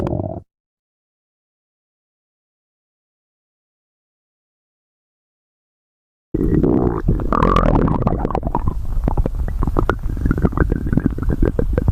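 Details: Woman's stomach growl: brief low rumble, then a long gurgling, rumbling growl with bubbling pops; normal borborygmi.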